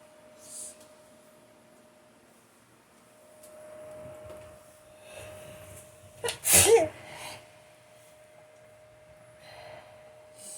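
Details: Forceful sneeze after a brief inhaling build-up, on waking in the morning; quiet room with steady hum.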